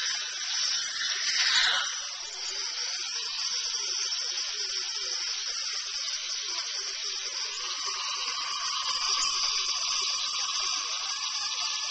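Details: Steady high-pitched whine of a dental drill running during a tooth filling; recorded on a Flip Video camcorder.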